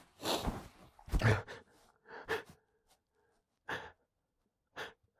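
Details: Breathy catching build-up, then about five explosive sneezes in quick succession: allergy sneezes that have been recurring for about a week.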